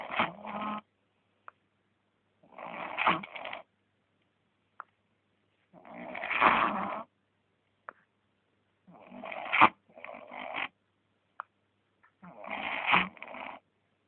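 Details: A sleeping male dog gives rhythmic rattling snores, about 5 breaths a minute on the loud phase, with brief quiet clicks between; snoring.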